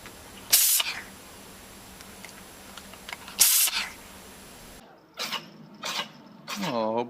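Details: Cat sneezing, from a compilation: several short, sharp, hissing sneezes followed by a brief meow, with a person speaking quietly in the background.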